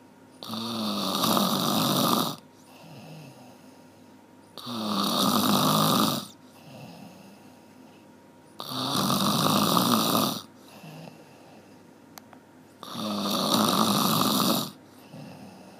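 Regular, loud, harsh snores about every four seconds, roughly 15 breaths a minute, with quieter breathing out between; steady snoring.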